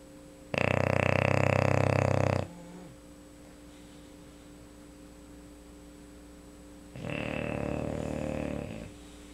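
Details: Female English Bulldog snoring while asleep: two long, loud, rattling, engine-like vibrating snores separated by quiet breathing; heavy snoring likened to a chainsaw.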